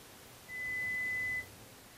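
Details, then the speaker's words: Adult hearing test demonstration: a single steady pure test tone of about one second, heard in a quiet room. Client reports trouble hearing in background noise and listens to much live music. Ears are tested one at a time to find thresholds; pure-tone audiometry. "The client responds to the sounds they hear usually by pushing a response button The tests establish the patient's threshold of hearing for each of a number of frequencies that are important for understanding speech"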